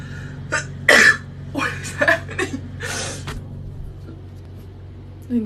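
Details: Adult with a nasal feeding tube that slipped out a couple of inches, while trying to reinsert it: several abrupt, noisy bursts of coughing and uncontrollable sneezing, with catches of breath between them.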